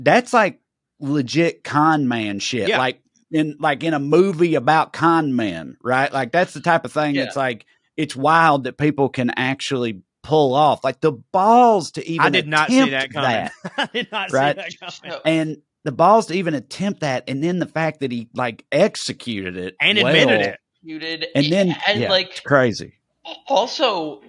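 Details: Adult man speaking; normal speech.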